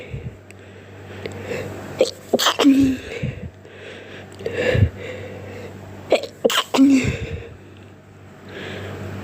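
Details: A person sneezing while sick with a cold: two sharp sneezes, each with a breathy build-up before the burst, in a quiet room.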